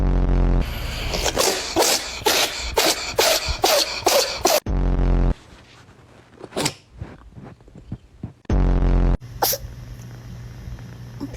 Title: Cat sneezing 🤧🤣 #shortsfeed #funnyshorts #viralshorts